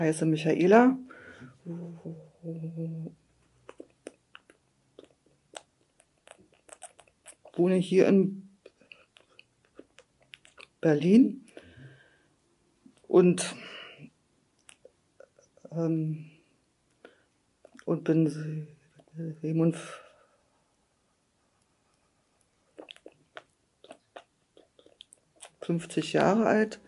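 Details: Woman, 57, who stutters, introducing herself before a stuttering trial training, nervous in front of strangers, with long blocks between words; stuttering.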